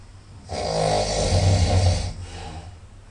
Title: Very Loud Nasal snoring - 2